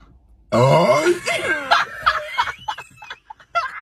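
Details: Sprite challenge, people trying not to burp after drinking Sprite: one long, loud, drawn-out burp followed by laughter and brief voices; belching.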